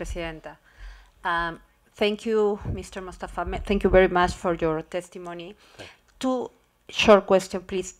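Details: Adult woman speaking; ordinary speech.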